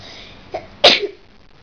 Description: Me singing Dynomite and i sneezed!!!! :P